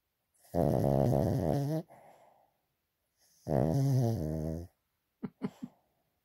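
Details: Sleeping pet dog snoring loudly, whose owner may have a vet check that he is breathing properly: two long, rattling inhaled snores about three seconds apart, then brief snorts.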